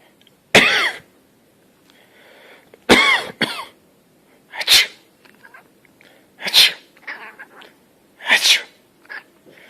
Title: Adorable cat appears to say 'bless you' when you sneeze Daily Mail Online